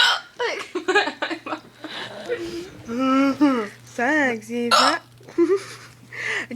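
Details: Person with hiccups while another person tries to scare them away; talking and voiced sounds broken by sudden sharp catches in the voice, hiccups interrupting speech.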